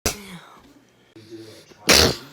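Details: A sneeze during allergy season: a short indrawn breath, a pause, then one sharp, explosive burst of air.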